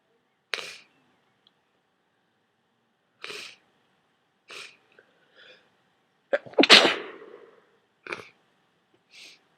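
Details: Person with a cold who took a strong decongestant: six forceful, wet-sounding sneezes with quiet gaps between, one especially loud and spluttering.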